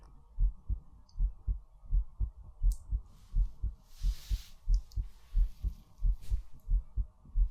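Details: ASMR sleep recording of a heartbeat: steady, regular, low thumps at about 88 beats a minute, with a faint rustle midway; normal heartbeat.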